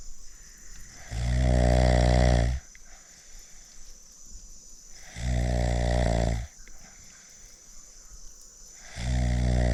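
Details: Man asleep at night on a fishing and camping trip in the Andaman Islands: loud, low, rumbling snores on each in-breath, about three in ten seconds, with quiet gaps between; ordinary snoring.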